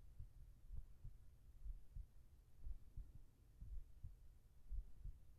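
Soft, steady lub-dub thumps at about 60 beats a minute under a low hum: a slow, regular heartbeat.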